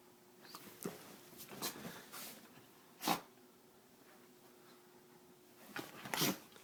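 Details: Dog Noggin sneezing when excited: four short, sharp sneezes, spaced irregularly, with quiet room noise between them.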